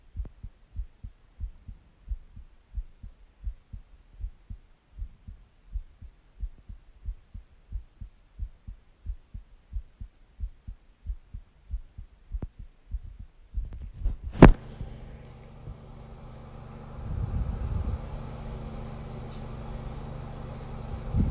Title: Heartbeat Sounds And Breathing Sounds